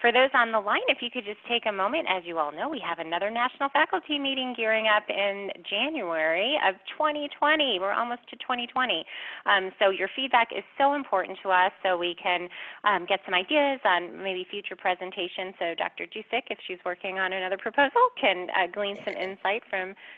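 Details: Adult woman; normal voice.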